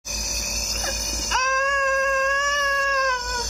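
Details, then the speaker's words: Sky, a baby with pneumonia (left-sided crackles) and possible asthma, coughing and colds for days, suddenly woke and cried: sustained, strained high-pitched cry after a brief whimper; infant crying. "bigla na lang nagising si baby dito tapos ang sakit ng iyak niya"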